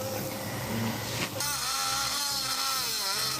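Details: Powered sternal saw cutting the sternum during cardiac surgery, possibly a repeat sternotomy with heart adhesions, in an operating room during Covid. Loud buzzing, vibrating motor whine with operating-room noise.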